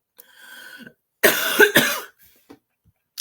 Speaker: oh apologies I couldn't stop coughing you did not need to hear that